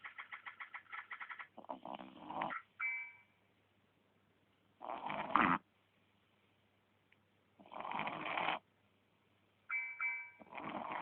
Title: Menino ((CACHORRO)) roncando!